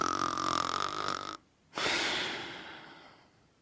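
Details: Sleeping snore: a rattling, buzzing inward breath, a short pause, then a breathy outward rush fading away.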